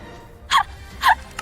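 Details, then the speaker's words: Streamer asks permission to sneeze, then two short, sharp, breathy bursts about half a second apart, consistent with small stifled sneezes; sneeze. "재치기를 해도 될까요"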